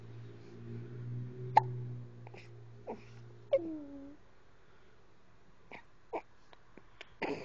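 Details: Baby girl who often gets hiccups: several short, abrupt hiccup catches at irregular spacing in a quiet room, with soft babbling and a grunt.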